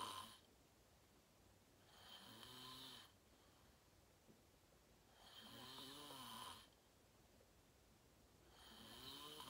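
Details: Self-recorded adult sleeping, fell asleep fast around 8:45, self-described deep REM sleep (sleep apnea only hashtagged): loud rough inspiratory snores about 20 a minute, quiet exhalation between; ordinary snoring.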